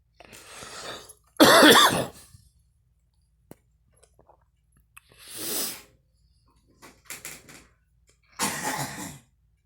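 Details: Girl coughing: about five or six harsh, spaced cough bursts, one loud and voiced, in a quiet small room.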